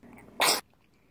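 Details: Newborn baby boy carried in a baby carrier, calm after crying: one short, sharp, airy sneeze in a quiet room, an ordinary harmless sneeze.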